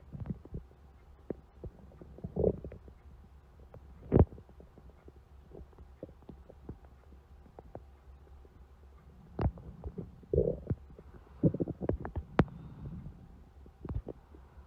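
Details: Stomach growling: low gurgling rumbles and soft bubbling pops from the belly over a quiet hum; borborygmi.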